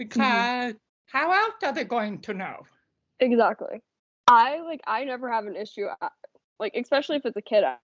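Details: Adult woman speaking; ordinary conversational speech.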